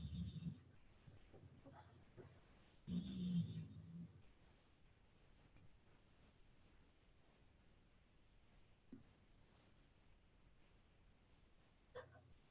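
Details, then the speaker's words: Two low rumbling snores from a sleeping dog in the background of a live stream, then mostly quiet room noise; snoring. "Of course, you can probably hear my dog snoring there in the background, guys."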